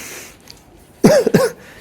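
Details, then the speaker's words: Adult speaker with cough and cold during winter season, whole household also coughing with colds, voice affected; cough heard. "जिसको देखो वही खांस रहा है, हाँ जिसको देखो वही खांस। खांसी भी है, जुकाम भी है, सर्दी का सीजन है तो इसलिए ना।"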